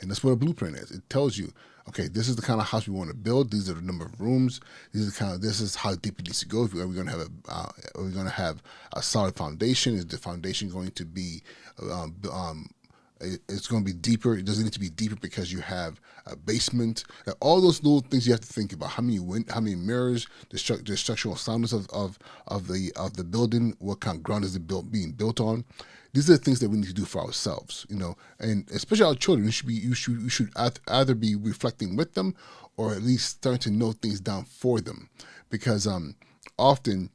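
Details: Adult male podcast host with persistent stuttering that he says never goes away and is not anxiety-related; he warns listeners will catch his stuttering speech patterns. Stuttering.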